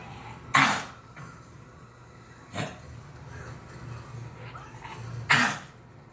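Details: Female pet coughing: three short, harsh, explosive bursts spaced a few seconds apart, with quiet room noise between them.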